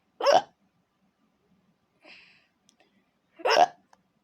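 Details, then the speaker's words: Hiccups: two sharp, abrupt voiced hiccups about three seconds apart, with a soft breath between, in a quiet room; ordinary hiccups. "Hi, the kids. It's me, your, with some more hiccups."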